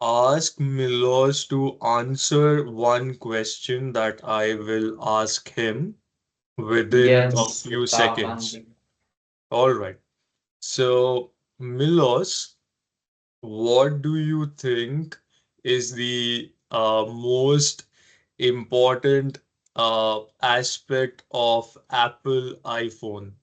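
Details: Adult man who stammers, demonstrating the flexible rate speech technique: slowed speech, gentle onsets, deep breaths and soft voice; stuttering managed with flexible rate (slowed) speech.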